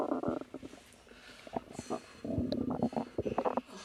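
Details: Woman about 3 months pregnant, relaxing: soft gurgling and bubbling rumbles with brief pops, natural stomach growling from gas and fluid moving through the gut in early pregnancy.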